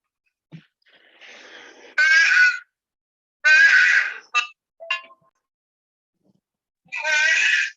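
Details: Young girl's harsh, honking barking cough, likened to a duck quacking, played from a recording faintly over a weak phone connection.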